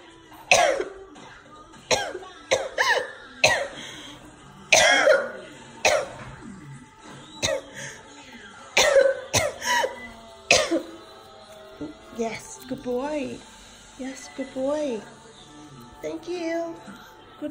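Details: Woman coughing during an asthma attack while her service dog alerts and fetches her inhaler: about a dozen sharp, repeated coughs in quick bursts, with music later.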